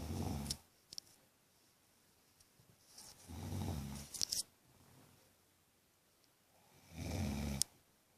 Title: Mum snoring loudly!